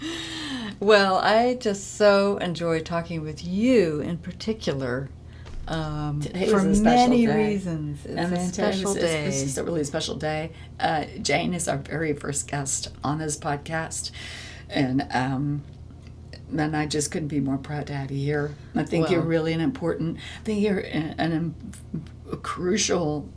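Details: Adult woman with spasmodic dysphonia, a vocal cord disorder in which the vocal cord muscles spasm; spasmodic dysphonia.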